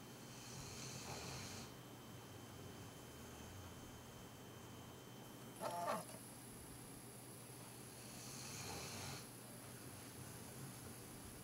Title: Keeper snoring